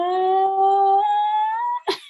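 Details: Female teacher with hoarseness worsening over the school year and toward the end of the day, doing pitch glides during stroboscopy; midpoint swelling diagnosed as benign vocal fold nodules from voice overuse or misuse.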